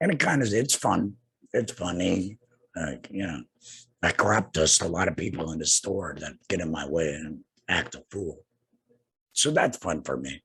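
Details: Adult man two years after total laryngectomy for cancer treated with radiation and chemotherapy; no larynx, breathes through a neck stoma, speaks via tracheoesophageal puncture (TEP) voice prosthesis with HME; tracheoesophageal speech after total laryngectomy.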